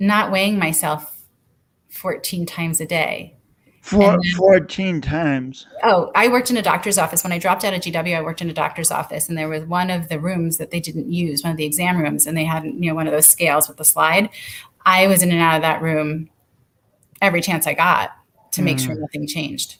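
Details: Adult woman speaking; typical speech.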